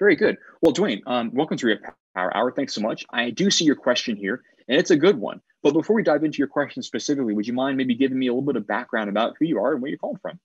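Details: Adult speaker; Normal fluent speech.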